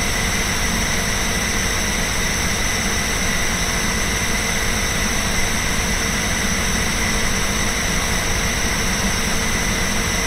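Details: Running nebulizer compressor (Incoterm Nb090 inhaler) beside a portable desk fan; steady mechanical hum with low rumble and constant airy hiss, blended with fan noise.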